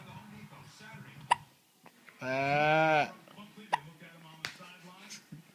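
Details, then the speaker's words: 9-week-old baby boy with hiccups while vocalising to his father: sharp, brief hiccup catches at irregular intervals, with a sustained baby vocalisation between them and adult voices in the background. "He can't talk without the hiccups. He mad because he can't talk because he got the hiccups."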